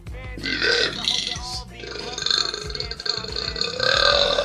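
Long, drawn-out voiced belching with shifting pitch, heard over background music.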